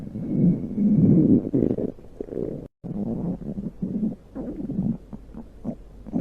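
Loud, low, rumbling gurgles that rise and fall for several seconds; ordinary stomach growling from gas and fluid moving through the gut.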